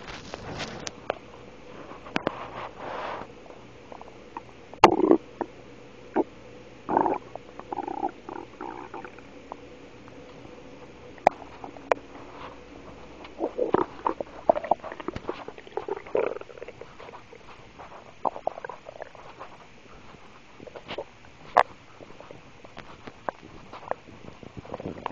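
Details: Adult woman's stomach noise: irregular gurgling, bubbling and squeaky rumbles from the abdomen, ordinary bowel sounds (borborygmi).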